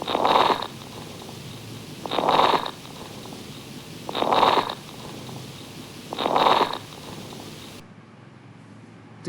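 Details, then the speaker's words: Heart failure patient, lungs auscultated from the front over the lower fields: regular noisy breaths, about 30 a minute, with rough, non-musical crackling sounds, crackles, contrasted with normal breath sounds. "Repetitions या हम simple terminology crackles crackling sound. बिल्कुल crackling sound है, इनको हम crackles कहेंगे।"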